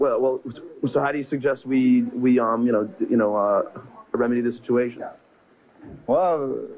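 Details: Adult male with stuttering present since second grade.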